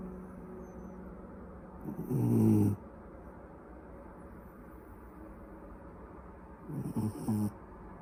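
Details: Person sleeping: two loud, low rattling snores about five seconds apart over steady room noise; ordinary snoring.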